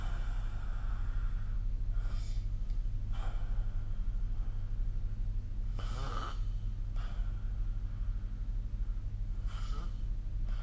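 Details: Snoring during sleep recorded with the SnoreLab app: steady low rumbling breathing with intermittent louder snorts and gasp-like breaths.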